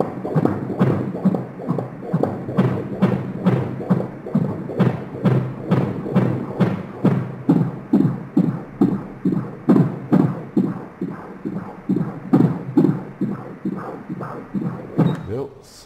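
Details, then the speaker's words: Fetal heartbeat on a prenatal ultrasound scan: fast, regular whooshing thumps, with the heart rate measured at 133 beats per minute. "batida do coração tá numa frequência de 133"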